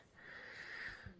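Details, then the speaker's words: Cat asleep in her bed in an office, snoring: one soft, faintly whistling breath in a small indoor room. "in the background you may or may not hear the cat snoring she is here in my office lying in her bed snoring"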